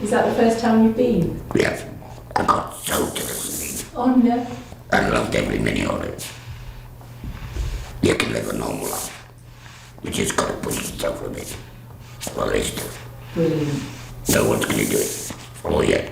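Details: Adult woman after total laryngectomy who speaks through a voice device/valve, which she says is working fully for the first time; alaryngeal speech after total laryngectomy.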